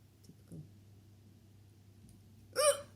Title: Hiccups are so funny